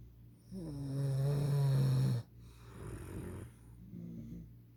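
A loud, low, rattling snore on the in-breath, followed by quieter breathing; typical snoring.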